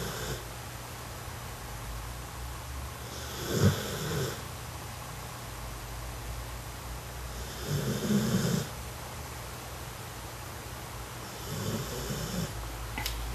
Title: A Snoring Puppy